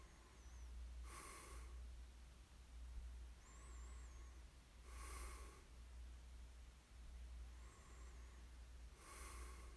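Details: Light snoring in ASMR sleep recording: soft, regular snoring sounds on breaths about every four seconds over a steady low hum, with faint whistling between them.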